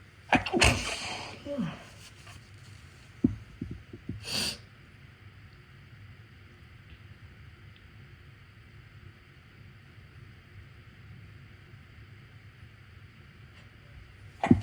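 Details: Two sharp, explosive sneezes a few seconds apart, with short sniffs and breaths between, then quiet; sneezes deliberately induced because of a tickle in the left nostril, with a switch to the left nostril partway through.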